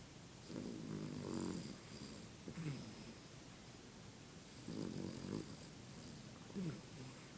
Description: My Dog snoring away